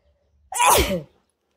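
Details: Sneezing: one short, forceful sneeze with a voiced ending in quiet surroundings; described as a wide-nose sneeze.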